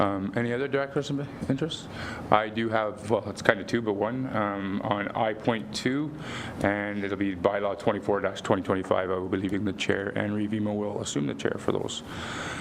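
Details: Adult male speaker; normal voice.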